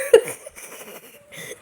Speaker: Why do you always have to make videos of me? You're hiccuping.